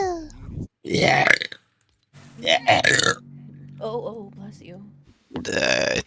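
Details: Burping from a VTuber during a stream, from a burp compilation: several loud voiced burps with short speech between them; repeated belching.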